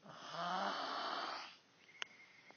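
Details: Snoring from a man who snores a lot: one long, loud, rattling snore on the in-breath, then quiet breathing out.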